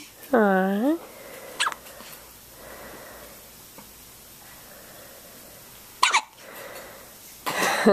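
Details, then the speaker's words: Newborn baby girl with hiccups: a brief vocal sound, then short, sharp hiccup bursts separated by quiet pauses. "and she's got hiccups you hear that"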